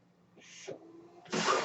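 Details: Low steady machine hum, brief hiss of air, soft click, then a louder rush of airflow: the podcaster's own home mechanical ventilator delivering a breath during a real recording.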